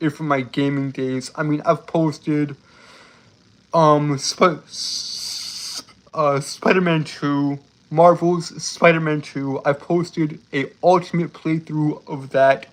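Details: Adult male with self-reported speech impediment, embarrassed at how long a word took to say; stuttering with sound prolongation.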